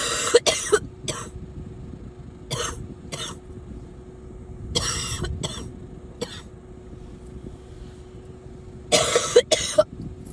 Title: Some coughing